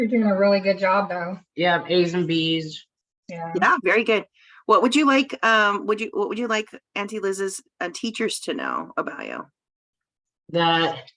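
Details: Adult woman speaking; ordinary conversational speech.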